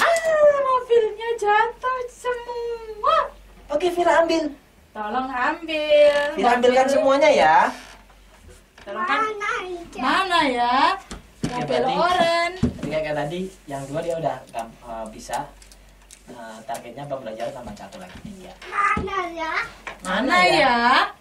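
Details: Adult woman (therapist) speaking to a child; typical adult speech.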